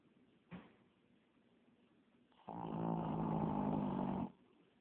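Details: Sleeping puppy-mill rescue dog: a brief snort, then one long, loud, rumbling snore of nearly two seconds over faint room hiss; snoring.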